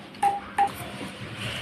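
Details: Two short, clear electronic beeps from key presses while changing settings on a Uniwer UMS A12 multiparameter patient monitor, with faint room noise.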